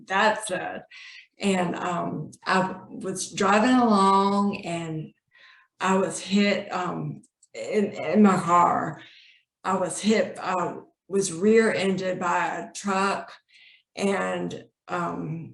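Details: Woman, a former speech pathologist, with acquired aphasia from a car accident about 20 years earlier, months-long hospitalization, also mobility impairment; aphasia.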